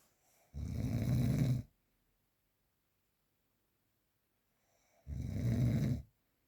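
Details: Two low, rumbling snores on breathing in, about four seconds apart with silence between; real, unprocessed recording of typical sleep snoring.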